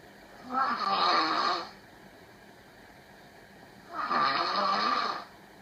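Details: Two loud, rasping snores about three seconds apart from a girlfriend who fell asleep during an online call, heard over the call; snoring.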